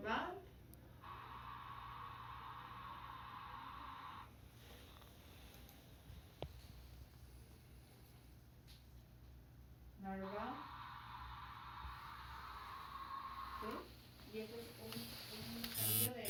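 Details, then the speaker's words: Narrow-band noise stimulus from an audiometer: white noise concentrated at one specific frequency that still carries a little information from neighbouring frequencies; such noises are generally used for masking and some tinnitus evaluations. "este tono en álava es un sonido digamos de banda estrecha si es un ruido blanco pero con elegancia concentrada en una frecuencia específica"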